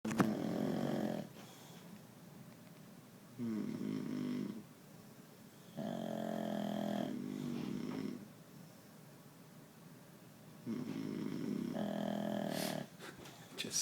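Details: Snoring during sleep: loud, rattling snores in slow regular cycles, about five breaths in fourteen seconds, alternating harsher and softer phases; snoring.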